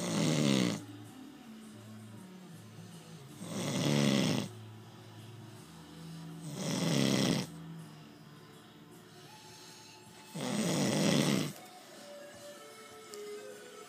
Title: snoring